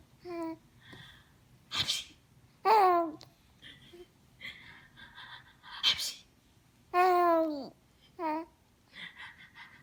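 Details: A 3-month-old infant responds with soft coos and squeals to her mother's deliberate, playful, exaggerated sneezes.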